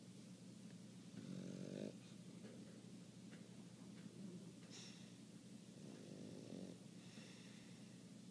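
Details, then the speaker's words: Loud, buzzing snores with short snorts about every five seconds from a sleeping 1-year-old dog; ordinary snoring. "Pablo snores louder than me. He's only a year old, and he snores like Uncle Bernie."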